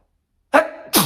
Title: Three different sneezes